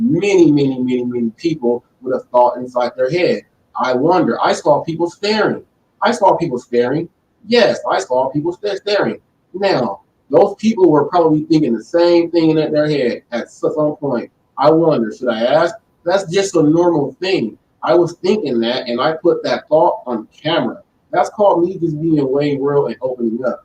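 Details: Male who has stuttered since birth, struggling with it since childhood and now much improved; stuttering.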